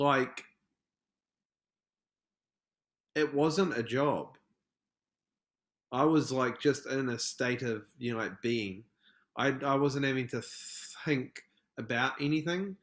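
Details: Stuttering in an adult male from New Zealand who describes himself as a proud person who stutters; podcast interview.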